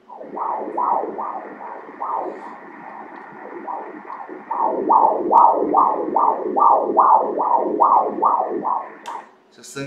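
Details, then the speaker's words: 3D/4D ultrasound at 28 weeks of pregnancy, fetal heart rate 159 beats per minute; Doppler of the umbilical cord showing two arteries and one vein; umbilical artery Doppler flow. "و قلب اینجا بند ناف آنجاست، به بند ناف نگاه کنید. دارای 2 شریان و 1 رنگ ورید"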